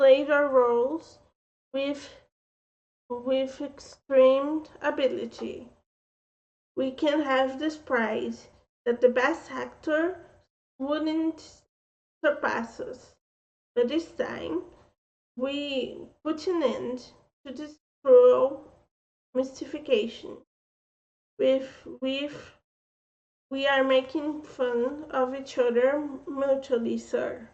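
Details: Speech impediment with mild slurring and dysfluency (she reports stuttering when reading) in an adult woman, a native Brazilian Portuguese speaker reading aloud in English.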